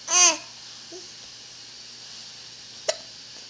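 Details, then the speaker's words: A brief vocal sound, then a single sharp, abrupt hiccup from an infant boy with teeth coming in, in a quiet room; hiccups starting. "You're gonna start hiccups. Oh no."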